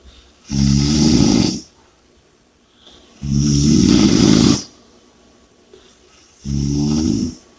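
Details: Loud, rattling snores on each breath in, about three in seven seconds, with quiet pauses between; heavy snoring.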